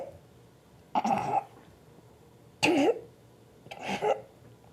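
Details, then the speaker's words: Three forceful, wet coughs with quiet pauses between them from a patient coached to take deep breaths, then a full inhalation and forceful cough, expectorating sputum into a specimen cup; productive cough during sputum specimen collection. "then coach him to take a full inhalation followed immediately by a forceful cough expectorating the sputum directly into the specimen container"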